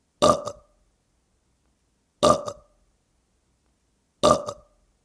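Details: Three identical short, loud belches about two seconds apart in silence; a repeated burp sound effect.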